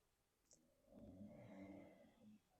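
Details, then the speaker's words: Bulldogs snoring, heard in the background of a quiet meditation. "Now let's hear what we hear. The sound of bulldogs snoring."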